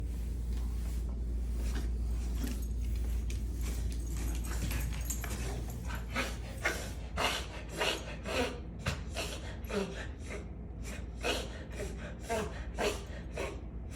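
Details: Dog coughing: a rapid series of short, harsh, breathy bursts over a steady low room hum.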